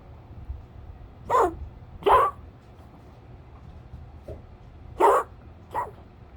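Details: Dog named Kirby, recorded 2021-10-05: four short, harsh cough bursts over a few seconds against low room noise.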